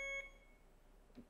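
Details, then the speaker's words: BD Alaris 8110 syringe pump alarm-volume test at audio level five, the loudest and default setting: a single short, shrill electronic beep followed by quiet room sound. "Audio adjust five is the loudest and this pump defaults to that. You can make it lower. I'll test the five."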